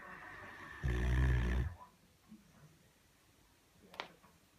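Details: Female Great Dane sleeping, very tired after a long walk and play fighting; one loud, low, rattling snore on a breath in, then quiet breathing and a faint snort; heavy dog snoring.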